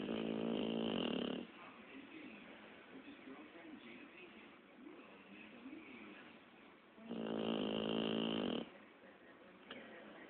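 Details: Sleeping Pitbull dog with two loud, buzzing snores about five seconds apart, each roughly 1.5 seconds long, with quiet breathing between; snoring.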